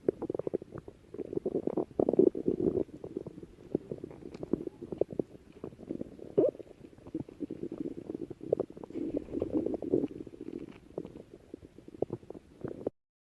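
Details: Stomach growling (borborygmi): continuous low gurgling and rumbling from the abdomen with frequent clicks and bubbling.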